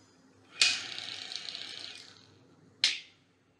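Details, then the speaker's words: Exercise for post-COVID lung recovery, repeated 10–15 times: forced exhalation into an inverted (upside-down) incentive spirometer, trying to lift the balls; sustained hissing breath out about one and a half seconds, then a short puff. "कैसे इस्तेमाल करेंगे आप इस यंत्र को को उलट दीजिए कि स्पाइरोमीटर को उलट दीजिए और अब इसमें आप सांस को मुझे अपने में हो सकता है यह शासक कठिन होता है"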